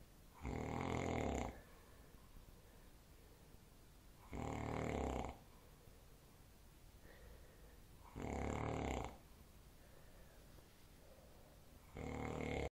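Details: Father snoring "like a tractor": loud, rough, rumbling snores on each breath in, about 16 a minute, with quiet breathing between them, heavy snoring.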